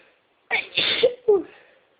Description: Whilst listening to sneezes on You Tube I decided to induce and this was the result